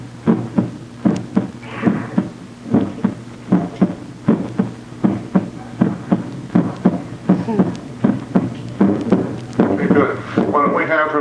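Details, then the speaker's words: Normal heart sounds from a female patient, heard at the front of the chest through a remote stethoscope during a virtual hospitalist exam: steady, regular heartbeats at about 78 a minute. "let's go ahead and grab the stethoscope I want to listen to her heart and lungs real good here we'll start off with heart sounds in the front"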